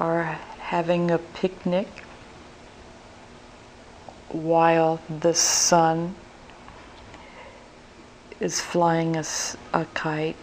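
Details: 58-year-old right-handed woman, symptoms began four years earlier, describing a picture; slow, non-effortful speech with word-finding pauses, no grammatical or motor speech errors, occasional phonological errors; logopenic variant primary progressive aphasia.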